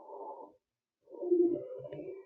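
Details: Teaching clip for EMT training: musical, cooing wheeze over two breaths replayed in a room, demonstrating lung sounds from narrowed lower airways.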